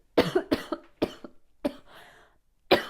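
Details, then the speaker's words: Adult woman who has been under the weather: a run of about five short, sharp coughs in a quiet room. "cough I know I'm sure you could hear it in my voice I've been a little um been under the weather lately"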